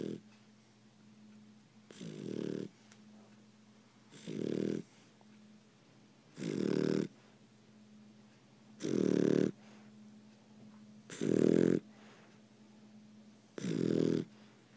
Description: She is asleep and snoring